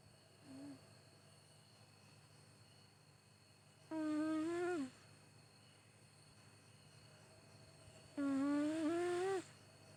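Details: Sleeping cat makes tonal, whistling snores about once every four seconds, roughly 14 breaths a minute; owner worries snoring may signal poor health.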